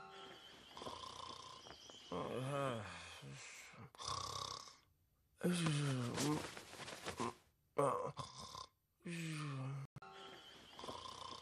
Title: Neko Hime sleeping in 2 minutes *snoring cutely*